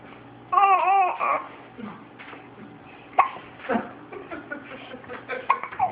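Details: An infant granddaughter babbles and squeals, with a few sudden, sharp catches in the voice between sounds and a faint low hum in the background: hiccups.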